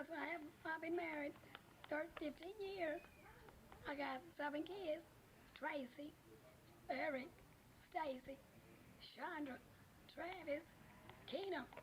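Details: Woman from a family with inherited dystonia, whose brother has cervical dystonia and whose mother has another type of spasmodic dysphonia; presenter notes some kind of spasmodic dysphonia in her voice; suspected spasmodic dysphonia.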